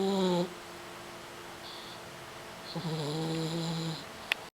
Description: Boeing, a 4-month-old French Bulldog puppy, takes a nap and quietly snores in his dad's lap.